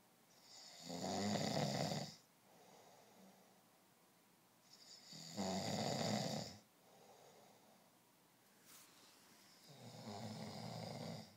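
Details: Loud rough rattling snores on each breath in, about 14 a minute, with quieter breathing out between, from a person in deep sleep: snoring.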